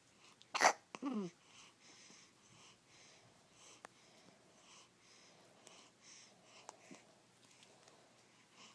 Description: My baby boy has the hiccups and they sound cute.